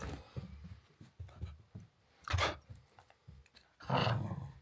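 Play growls from a puppy, broken by two short, sharp nasal bursts of sneezing.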